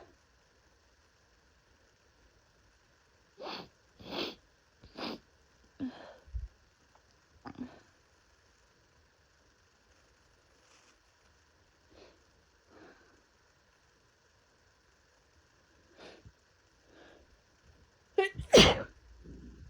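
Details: Several short sniffs and stifled sneezes ending in one loud full sneeze, in a quiet room, from a person with an intense cold with body aches, chills, fever and coughing.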